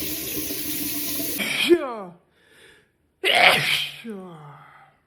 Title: Sneezing And Nose Blowing Challenge Part 9😂😂😂